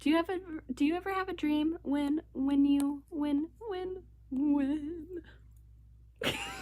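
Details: Female who reports she stutters a lot; part-word and word repetitions audible; stuttering.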